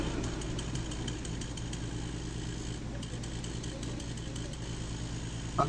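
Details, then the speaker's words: Medical suction machine after power switch replacement: steady low pulsing motor drone as it builds pressure, working properly. "nagkakaroon ng pressure Ibig sabihin maganda Okay yan gumagana ng maayos"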